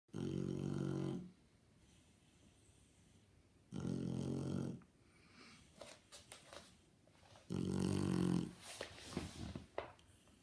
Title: My shar pei snoring away.